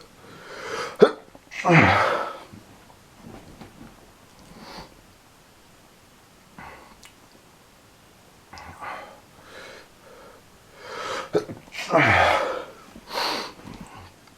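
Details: Person with allergies sneezing repeatedly: explosive sneezes in bursts, some preceded by quick inhaled catches, with quiet gaps between; persistent run of sneezing.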